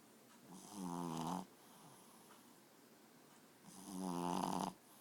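Two slow, rumbling, voiced snores on breaths in, separated by quiet breathing out; ordinary snoring.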